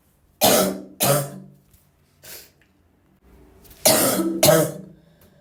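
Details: Muffled, held-back coughs and throat clearing with strained voiced bursts between quieter pauses: a person trying to suppress a cough.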